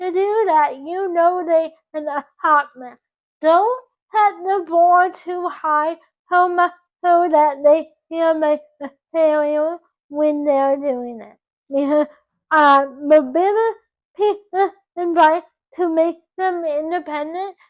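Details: 24-year-old woman with dysarthria from cerebral palsy caused by reduced oxygen to the brain at birth; doctors predicted she would never talk.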